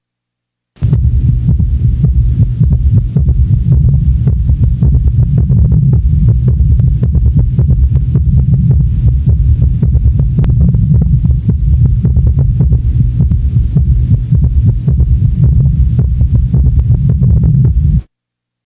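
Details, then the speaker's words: Quadruple rhythm (summation gallop) with S1, S2, S3 and S4, heard at the apex of an elderly male with heart disease: low, dense four-part cadence. "Listen to such a rhythm in which all four heart sounds are present. Now, listen to all four sounds taken at the apex of an elderly male patient with heart disease."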